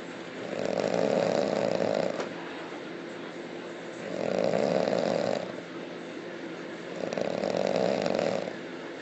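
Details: Hardcore loud snoring: loud, rasping snores about every three seconds, roughly 20 breaths a minute, each long and harsh on the in-breath.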